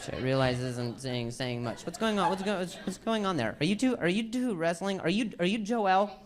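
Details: Male stand-up comedian with a stutter; he says hearing noises in his ear while talking makes him stutter; stuttering.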